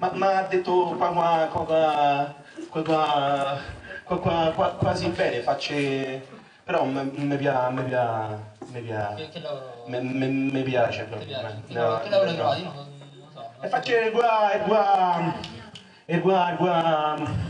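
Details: Acted stuttering by a male performer in an Italian comedy cabaret sketch about a stutterer's jobs, with repeated sounds and syllables.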